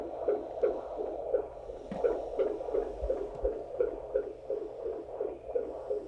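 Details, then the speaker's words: Fetal heart tones recorded during a birth: rapid, rhythmic whooshing over a steady electrical hum with a fast rate, as staff note the baseline seems a little higher than before; fetal tachycardia. "sorry is the baseline different now than it was before that's what i'm trying to find though um i think it's a little higher that's kind of what i think too"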